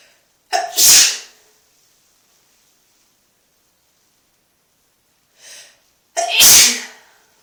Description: Just a random video of me sneezing in the tub cause I felt like it ;)